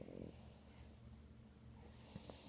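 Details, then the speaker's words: A pet dog asleep on the owner's lap, snoring: soft, low, rattling snores with faint snort-like bursts over quiet room noise. "está Carlota está durmiendo en mis faldas ha botado al papi del sillón está el p atr ha buscado el rincón así meterse entre mis piernas y está privada roncando a ver si escuchan como ronca"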